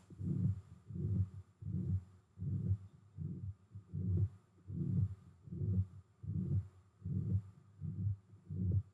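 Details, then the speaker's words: Teaching example of a heart murmur: regular heartbeat near 79 a minute with prolonged whooshing sounds from turbulent flow in place of the crisp S1–S2 lub-dub. "All right, that was a lot whooshier than the quick crisp lubdub of S1 S2. So if you hear that, think murmur."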